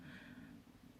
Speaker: sorry if you heard that that was my stomach rumbling i was just gonna say i'm actually really hungry this morning